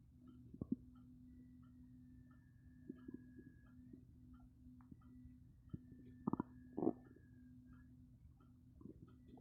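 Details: Stomach growling after coffee: low gurgling bowel sounds with a steady rumbling hum and scattered pops and squelches, borborygmi.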